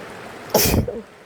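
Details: Adult sick with a cold or flu sneezes once, sharp and explosive, over steady heavy rain.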